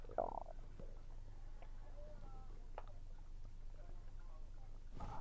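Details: Stomach sounds recorded while eating, which the person attributes to low air pressure; soft gurgles and brief squeaky rumbles over a low hum, some chewing sounds; ordinary bowel sounds.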